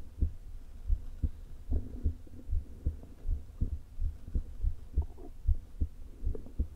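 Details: Woman recording her own heart through a low-placed stethoscope before open heart surgery: fast, irregularly spaced heartbeats with soft whooshing between them plus stomach rumbling; atrial fibrillation with a leaking heart valve.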